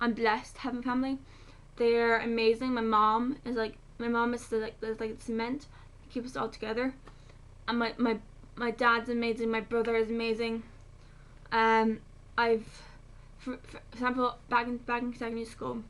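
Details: 19-year-old woman with functional dystonia, diagnosed at age 10, affecting her right side up to the eyes, with severe facial spasms affecting her speech; treated with botulinum toxin injections since age 14.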